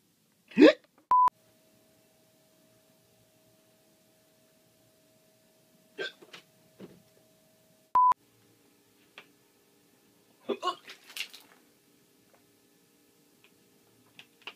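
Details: Hiccups, a rare but bad bout that interrupts speech: a few sharp, abrupt vocal catches among beeps and a steady tone, with brief noises between.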